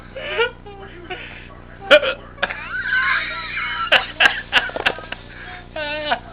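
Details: Repeated sharp, abrupt vocal hiccups mixed with brief voiced noises and whimpers, recorded accidentally as a video instead of a picture; hiccups.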